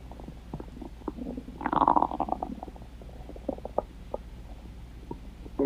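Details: Stomach growling (borborygmi): gurgling, rumbling gut noises with a longer bubbling growl over a low steady hum.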